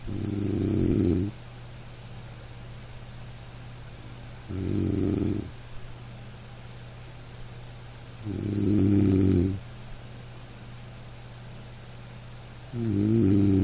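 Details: Gentle dog snoring during sleep, regular relaxed snores about 14 a minute, over steady light rain background; relaxation sleep-sound recording, snoring.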